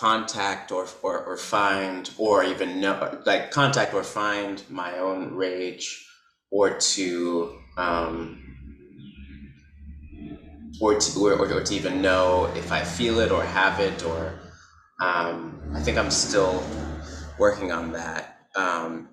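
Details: Adult man who describes himself as a person who stutters, speech showing repetitions and blocks; stuttering.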